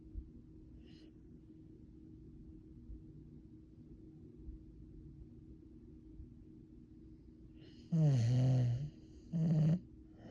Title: My dog snores.